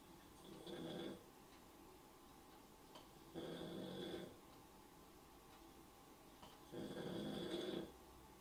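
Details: Snoring of someone lying asleep during a livestream: three long, rough snoring breaths about three seconds apart, with quiet pauses over a steady room hum.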